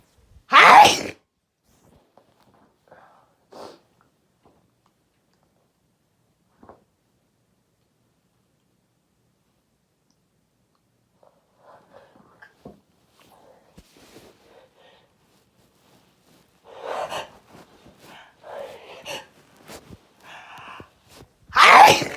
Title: Loud desperate sneezing